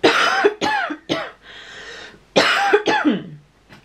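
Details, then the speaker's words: Five short deliberate voluntary coughs in two groups with a breath between, by a woman 38 weeks 5 days pregnant, coughing as instructed before giving an oral fluid sample for a Covid rapid antigen test. "fit the funnel onto the tube cough tent three to five times"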